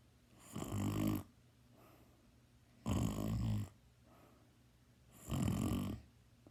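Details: Loud, rough snoring on each in-breath, about three snores in six seconds, with quiet out-breaths between.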